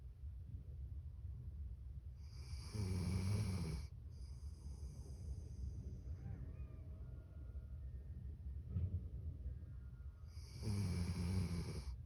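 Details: Milo the dog sleeping and snoring: two long, low rattling breath sounds several seconds apart over a steady background hum.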